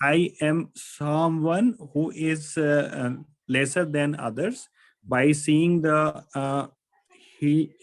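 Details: Adult member of a stammering support group who says he stammers, speaking spontaneously with extended word repetitions. Stuttering (stammering).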